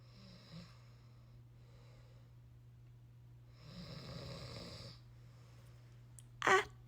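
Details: Tiny snores of a little one that woke the parent at 4am.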